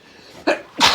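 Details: Adult who woke up sniffly with a tickle, in a morning sneezing fit with rain outside: a sharp inward catch, then an explosive burst of air; a single sneeze.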